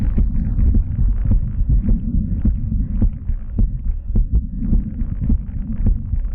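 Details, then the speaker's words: Muffled, rapid heartbeat about 105 beats a minute with rubbing and handling noise, heard by stethoscope using bell and diaphragm together to capture high and low frequencies, recorded before the subject is excited by play: heart sounds. "so this time I'm now using the Bell and the diaphragm which will hopefully give me the high and low frequency sounds together so it will take another listen now"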